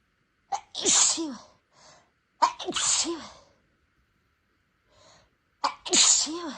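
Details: Person without allergies, nose sensitive after spicy food, deliberately inducing sneezes: three loud, tickly sneezes in a row, each with a quick in-breath and forceful burst, soft sniffs between; a sneezing fit.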